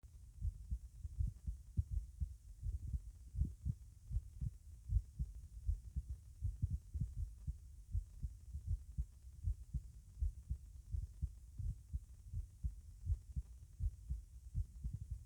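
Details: Normal heart sounds at the tricuspid area, patient sitting: low, regular thumps about 80 beats a minute over the lower left chest border.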